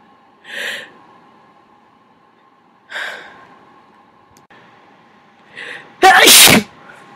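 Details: Natural and first-time induced sneezes, not one continuous recording; three short sneezes then one loud forceful sneeze over a steady hum.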